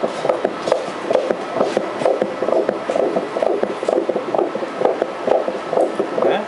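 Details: Transabdominal ultrasound in a first pregnancy of a baby boy lying head down: rapid rhythmic whooshing pulses at about 130 a minute over a noisy background; a fetal heartbeat.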